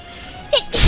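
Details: Person sneezing during a live stream: a quick inhaled catch followed by a single sharp, explosive burst of air.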